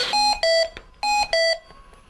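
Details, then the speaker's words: Hamilton T1 ventilator medium-priority alarm: repeating three-tone electronic pattern with amber light, in a quiet room; high priority uses five tones and a red light. "was the amber alarm that showed first with three tones and obviously high priority is five tones and the red light associated with it at the top of the ventilator"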